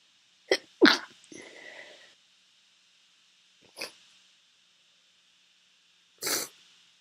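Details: Female sneezing, sniffling and nose blowing: two quick sharp sneezes, a breathy exhale, a brief sniff, then a later burst of nose blowing or sneezing in a quiet room.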